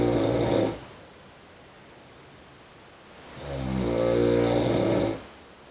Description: next room's snorings in an hong kong hotel